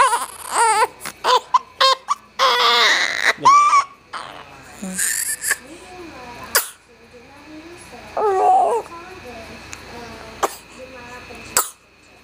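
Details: Short, fussy cries and whimpers from a baby girl with adult voices nearby, in a recording that also has her yawn and sneeze; an ordinary baby's cry.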